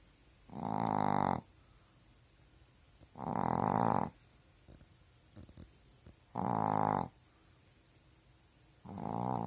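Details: Dog snoring while asleep at home.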